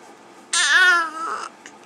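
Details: One-month-old baby boy with hiccups: a single brief, high-pitched wail about one second long; a short infant cry that the caregiver calls fake crying.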